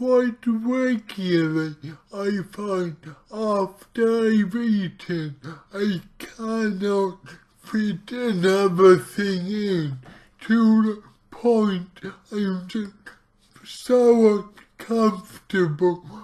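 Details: Dysarthria from cerebral palsy in a speaker trying a keto diet.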